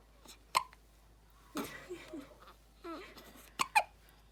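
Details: Newborn between one day and one week old gives three sharp, brief hiccups between soft grunting and cooing; ordinary infant hiccups.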